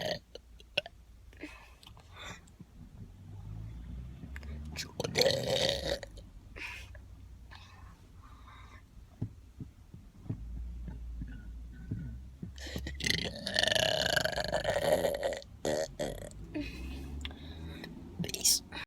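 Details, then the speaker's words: Two long, loud, rumbling belches with quieter sounds between them; deliberate burping, the first described as weak. "to episode 3 of burping. That was weak. Oh my god, that was so bad."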